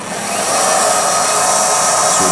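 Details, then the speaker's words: Steady high whine of a dental implant drill (Bioner system) in a dummy mandible; the 3.5 mm final drill goes only partway to seat the hex, mid-osteotomy between buccal and lingual, before widening for a 4 mm implant. "This drill does not go in full. You're not supposed to send it in full. It's only to seed the hex."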